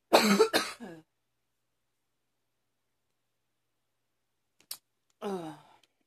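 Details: Two quick dry cough bursts with a throat-clearing tail, a pause, then one more short cough; repeated coughing attributed to increasingly frequent allergies of unknown cause.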